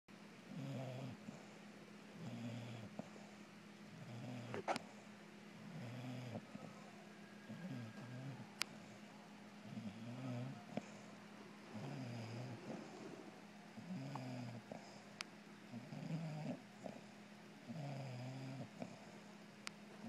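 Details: Bulldog asleep, cuddling with her owner: soft, low rumbling snores about 31 per minute, slightly irregular, with faint room noise; snoring.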